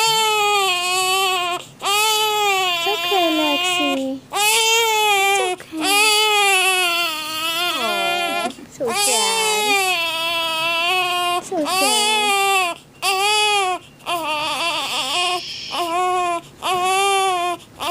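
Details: Baby girl held by her father cries in repeated loud, high-pitched wails with brief pauses for breath, soon soothed; a sneeze follows.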